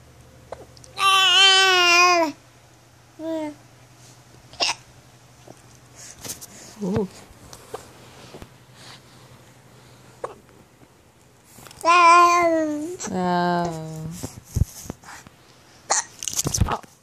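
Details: 7-month-old baby girl babbling and squealing, her vocalizations interrupted by short, sharp hiccup sounds; hiccups.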